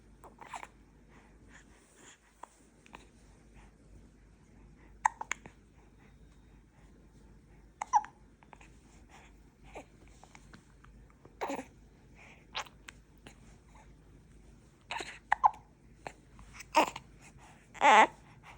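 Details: Infant hiccups on day 38: repeated short, sharp hiccup sounds at irregular intervals in a quiet room, with faint breathing between.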